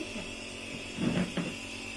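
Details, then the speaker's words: Nebulizer treatment for a baby boy with croup cough, after a doctor visit; steady mechanical hum and hiss of the running nebulizer, with brief louder bumps of movement. "बाकी से फर्क जो है सबसे ज्यादा nebula egestion से पड़ा था ये देखो ऐसे हां"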